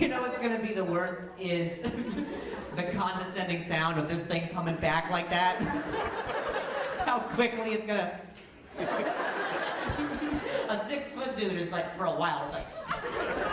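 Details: Male stand-up comedian who stutters, speaking live on stage during crowd work; he says noises in his ear while talking trigger his stuttering again; stuttering.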